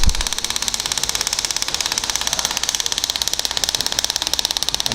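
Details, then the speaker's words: Radial shockwave treatment of plantar fasciitis on the foot's plantar area with the small 6 mm head, frequency raised to run faster, shifting 6 mm: rapid, steady sharp clicking at about thirteen a second; compressed-air shockwave device firing. "and we'll pretty much over very very soon"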